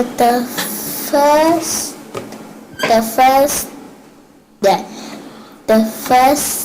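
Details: Nine-year-old bilingual girl with dyslexia and severe speech sound disorder, recorded before therapy began; sound discrimination and language skills adequate; speech unclear and effortful; speech sound disorder.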